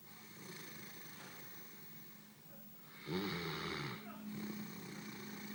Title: Great Dane snoring